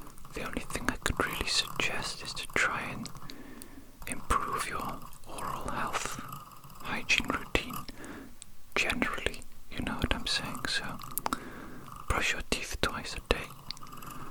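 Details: Simulated ASMR dental cleaning roleplay: close, soft scraping and clicking of a metal dental tool with faint whispering, acting out plaque being scraped off the teeth during a checkup.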